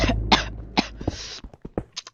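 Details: Adult talking very close to the microphone while playing Minecraft: a few short, harsh bursts consistent with dry coughing or throat clearing; cough.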